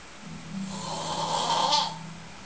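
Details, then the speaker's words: A man sleeping and snoring: one long, rough, rattling snore on a breath, rising and then fading. "And here is sleeping, snoring."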